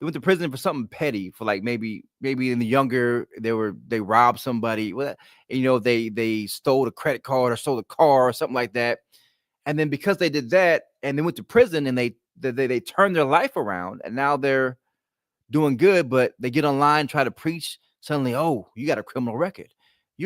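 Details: Adult male stuttering, self-described speech impediment; he says it is worse when excited or relaxed at home, was about ten times as bad in childhood, and he is concentrating to control it here.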